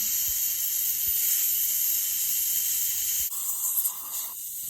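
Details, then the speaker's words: Ultrasonic dental instrument during root canal therapy of tooth #19 through a PFM crown on a live patient: steady high-pitched hiss with spray, smoothing the pulp chamber walls under mirror view, cutting off near the end. "so I switched to the ultrasonic because now I can use my mirror and I see exactly what I'm doing and I just hit the ball and at this unroofed and the roof of the pulse is going to pop right out"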